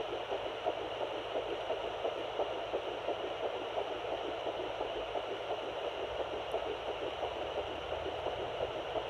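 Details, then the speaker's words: Fetal heartbeat at 8 weeks 2 days of a third pregnancy on home Doppler: rapid, soft whooshing pulses over steady hiss, about 170 beats a minute. "with this pregnancy I was able to first find the heartbeat at 8 weeks 2 days pregnant and I'll quickly show you a clip of that right here"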